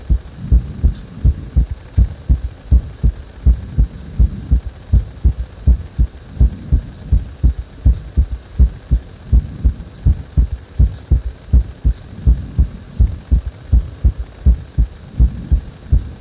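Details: Heart speeding up on its own after compression: steady, strong low thumping heartbeat at about 82 beats a minute with a low hum behind it.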